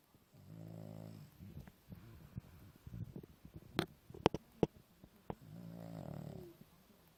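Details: Snoring: two rumbling breaths about five seconds apart, with clicks and rustling between them.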